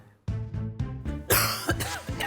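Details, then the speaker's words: Run of several short adult coughs, later ones harsher and louder, faint music behind; recorded cough played in a guess-your-own-cough quiz among people with lung-health concerns (breathlessness, chronic cough). "재범님은 태숙님의 기침 소리를, 광철님은 재범님의 기침 소리를 선택했고요. 결국 세 분 모두 자신의 기침 소리를 맞히지 못했습니다."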